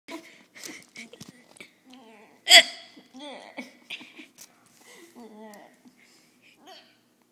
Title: Kid with fake hiccups.